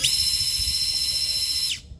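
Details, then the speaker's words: Surgical wire driver advancing a guide wire into a practice bone model during pediatric orthopedic training, after verifying lateral and AP views: a steady high-pitched motor whine for under two seconds, then stopping. "So drill it in, keep going. Drive it to about here."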